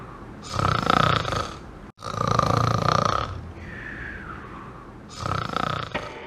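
Three loud, rasping snores with a whistling sound between them, acted for a comedy skit; an imitation of heavy snoring.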